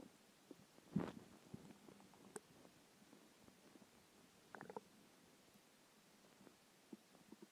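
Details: Quiet gurgles and a brief low rumble over background hiss from a hungry stomach after skipping lunch; bowel sounds (borborygmi), hunger growling.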